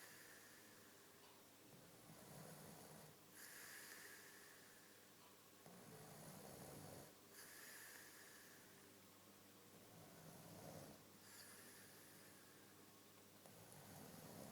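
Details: Man snoring in sleep: slow, rhythmic rough breathing noises, about 16 a minute, rising and falling with each breath.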